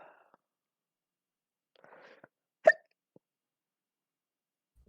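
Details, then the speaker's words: A single short, sharp popping hiccup, likened to a champagne cork popping, in a quiet room with faint soft sounds around it. "yo, tell me in the chat, did that not sound like a fucking goddamn cork popping off of a champagne bottle? Yo, what the fuck kind of hiccup was that? It was just a little hiccup."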